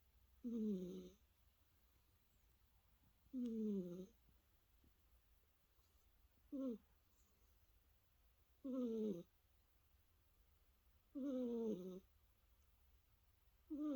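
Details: Sleeping cat snoring softly and rhythmically in a quiet room, with a brief nasal rumble on each breath at about 24 breaths a minute.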